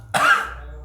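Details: Man who has had a cough, being treated by massage; a single short, forceful cough that fades quickly.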